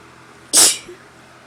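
One sudden, sharp hissing burst of air; a single sneeze.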